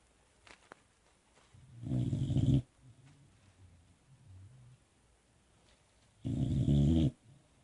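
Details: Sleeping Boxer puppy snoring, two rough, fluttering snores several seconds apart, faint low breath sounds between.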